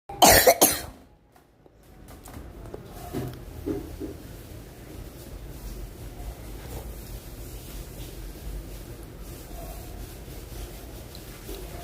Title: Don't mind my cough 💀